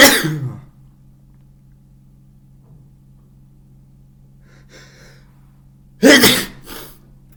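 Two loud, wet, explosive bursts several seconds apart with a quiet room hum between them: forceful sneezes, as with a head cold.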